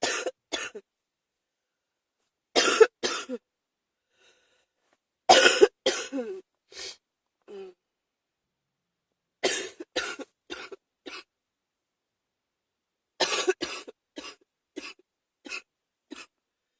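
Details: An adult coughs in repeated short bouts of two to seven harsh coughs during an ongoing common cold.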